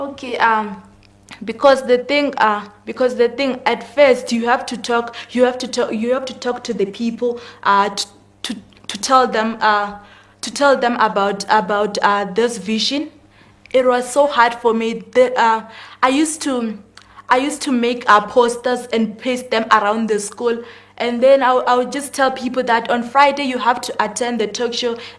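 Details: 19-year-old female grade 12 learner with stuttering; stuttering.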